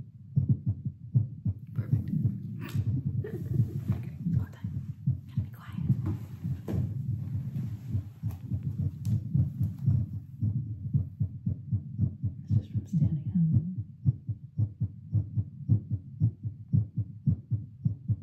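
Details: Self-recorded heartbeat through a Littmann CORE stethoscope after 10 squats. Steady, low-thumping normal heart sounds, roughly 110 a minute, with handling rustle.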